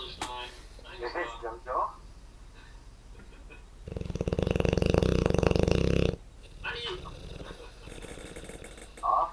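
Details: 1-year-old Dogue de Bordeaux: a long, loud, rattling snore over a couple of seconds between quieter noisy breaths; snoring.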